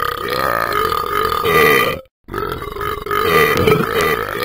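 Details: Cartoon character Talking Ben burping after drinking and eating, an animated sound effect: two long, loud, drawn-out belches separated by a brief silence.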